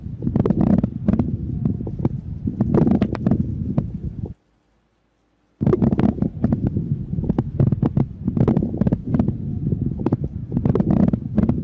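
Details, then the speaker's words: Breath sounds with many uneven bubbling pops and clicks of varying loudness, heard at the start of inspiration and at the start of expiration as air moves through bronchial and alveolar secretions: coarse moist crackles (rales). "À tiếng của nó thì nó có cường độ to nhỏ không đều âm độ cao âm sắc như tiếng lọc sọc của khí và dịch pha trộn với nhau."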